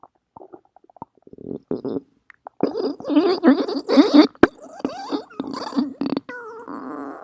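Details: Irregular bursts of gurgling, bubbling and squeaky rumbling over several seconds with quiet gaps between: stomach growling (borborygmi, bowel sounds).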